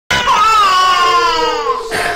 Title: the baby is crying